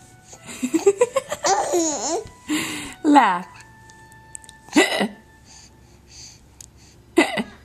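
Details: Child laughing in bursts, with a few short abrupt catches between laughs that fit hiccups; recorded with a Flip Video camera.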